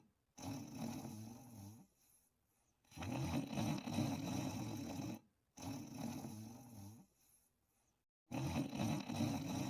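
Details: Sleep with dreaming: loud, rough, rattling snores with each breath, separated by brief quiet pauses in a steady sleep rhythm; snoring.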